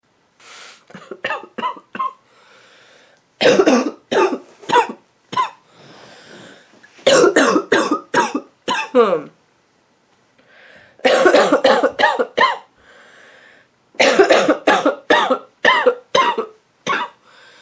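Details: Adult woman with a nasty cough gives repeated fits of harsh, barking coughs with brief noisy breaths between; barking cough.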